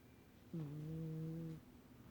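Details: Cat snoring: a single low, steady, buzzing tone lasting about one second on one breath, over quiet room noise.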